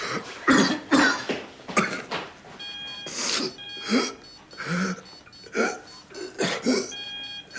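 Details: Acted TV drama scene: hospitalised patient waking up has a fit of repeated harsh, wet-sounding coughs portraying coughing up blood (haemoptysis), with steady monitor beeps behind.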